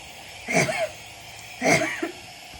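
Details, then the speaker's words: Two deliberate, moderately forceful voluntary coughs from a female patient sitting in high Fowler's after an EzPAP airway-clearance cycle at 12 L/min with deep breaths and active exhalation. "And we have her at 12 liters per minute, and she's gonna go ahead and actively exhale. I'm gonna have you go ahead and cough 6 for me."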